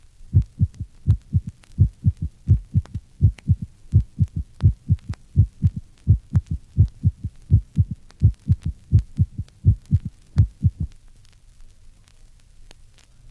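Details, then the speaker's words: Faint physiological third heart sound in a normal healthy subject, heard in diastole after the second heart sound with the stethoscope bell lightly applied at the apex; regular low heart thumps with a soft extra sound. "these faint third sounds occur in diastole after the second heart sound listen to a normal third heart sound see figure 34."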